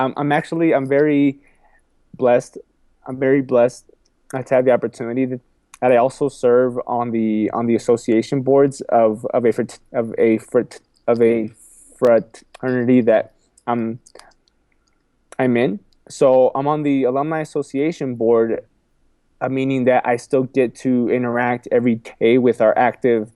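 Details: Adult man who has stuttered all his life, repeating a phrase and words several times and saying 'excuse me'; stuttering.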